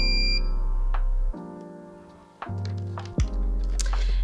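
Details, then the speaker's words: GCE Zeno-Lite portable oxygen concentrator, in its carry case with cannula attached, powered on by pressing the power button: electronic beeps and tones, then mechanical thunks and a steady low running hum. "so to power on your gce zeno light you're going to simply press the power button"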